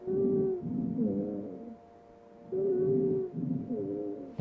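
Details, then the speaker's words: Musical whistling on inspiration and expiration with drawn-out grunting expiratory wheezes, heard over the back lower lobes of a male virtual reality simulated asthma patient in respiratory distress: inspiratory and expiratory wheezes. "what's really amazing about this is that this gentleman has inspiratory and expiratory wheezes but those expiratory wheezes are kind of grunting right"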